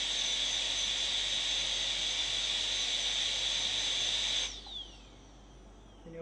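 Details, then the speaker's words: Molar crown preparation for a PFM crown, occlusal reduction with the bur angled towards the central fossa, cusp down and cusp out; high-speed dental drill whine that winds down and stops. "so your bur angle is important it should be angled towards the central fora and your movement will be cusp down cusp out cusp do"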